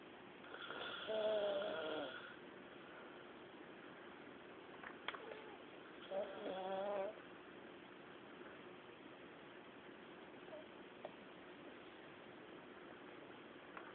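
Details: Soft snoring: two brief rattling, tonal breath noises about five seconds apart over steady background hiss.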